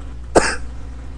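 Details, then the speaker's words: Single loud, harsh cough over background hum from a woman about to turn 43, sick since returning from a trip, with lingering lung congestion, coughing all night, using Mucinex; chesty cough. "plus this stuff in my lungs just won't go away but I coughed most of last night and this morning when I got up my husband had laid the mucinex on my laptop"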